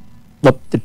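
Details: Pericardial knock.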